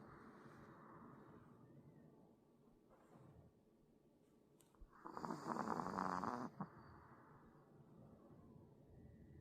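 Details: Sleeping Pomeranian puppy snoring: soft, rhythmic snuffling breaths with one louder snore burst; ordinary snoring.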